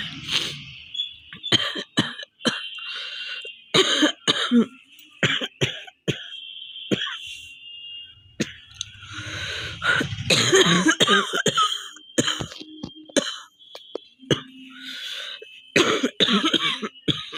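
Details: Woman with a real, heavy cough from a cold that is now easing: repeated harsh cough bursts in quick series, with throat clearing and brief breaths between, amid laughter; ongoing cough.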